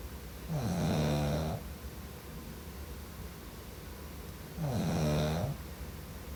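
Two low, rattling snores on breathing in, about four seconds apart, with quiet breathing between them.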